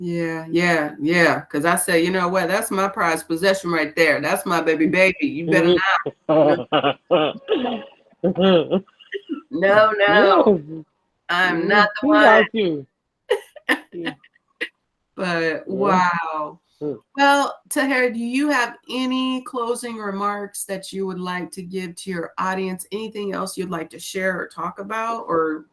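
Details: Adult speakers in conversation, interviewer and guest; normal adult speech.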